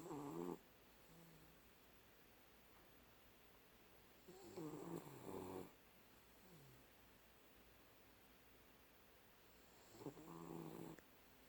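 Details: Sleeping dog snoring loudly: rattling snores roughly one every five seconds, with quiet breathing between them.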